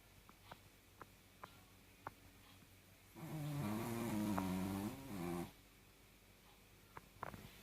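Faint clicks, then one long, fluttering, nasal snore lasting about two seconds: snoring from a small dog.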